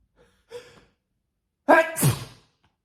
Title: More big sneezes